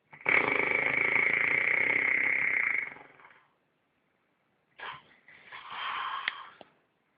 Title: Listen to this snoring